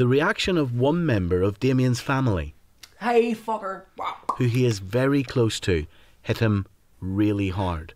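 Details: Vocal tics, Tourette-type, in a young man, with involuntary noises, words and swearing that began suddenly after a traumatic breakup and a psychiatric hospital stay; not officially diagnosed, but he believes he has Tourette syndrome.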